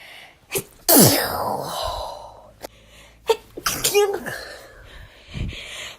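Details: A person has a sneezing fit lasting about 30 seconds: a forceful sneeze after a sharp inhale, then more sneeze-like bursts, with brief talk nearby.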